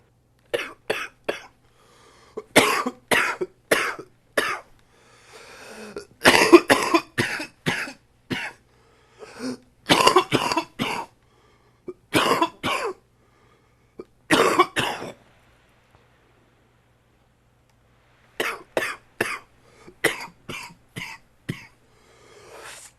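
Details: Adult with a cold that has settled in the chest: repeated bouts of harsh coughing, about two dozen coughs in clusters; chest cough from a cold.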